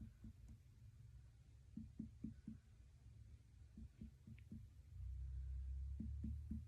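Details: Student nurse percusses the abdomen: short groups of soft, low finger taps, some hollow and some duller, over faint room noise; normal abdominal percussion with tympany over air and dullness over organs.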